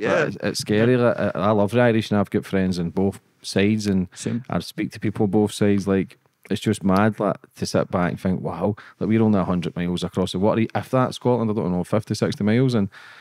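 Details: Adult male speaker; typical speech.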